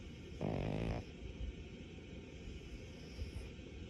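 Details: One brief, buzzing, rattling snore over steady low background noise; snoring.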